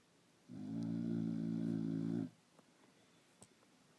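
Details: A single long, low, buzzing breath of about two seconds, then quiet room noise; a snore.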